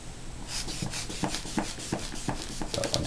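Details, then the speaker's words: Manual blood pressure cuff on woman's arm, secured over her sweater, inflated to about 160 during physical assessment teaching demonstration: about eight rhythmic hand-bulb squeezes with soft air rushes; readings about 90/60 seated. "you hold the person's arm pump to about 160 open open the vow and listen"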